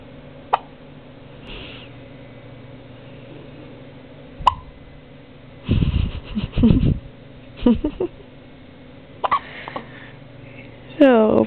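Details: A few short, sharp hiccup sounds in a quiet room, then some brief vocal noises; hiccups.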